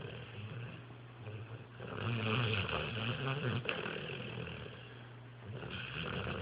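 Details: Snoring from a sleeping pit bull: low, rumbling snores with a louder rattling stretch in the middle and faint room noise behind.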